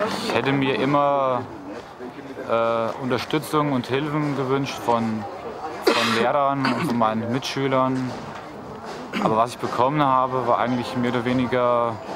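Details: Adult man from a stuttering self-help association who has stuttered since at least his school years; stuttering.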